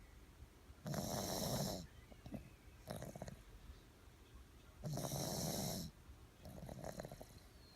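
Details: Loud rasping snores on the in-breath alternating with softer snorting out-breaths, about 16 breaths a minute: snoring.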